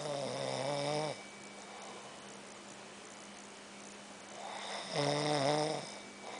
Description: My brother snoring after a long day of work. I had to video tape him so that he knows he snores ha.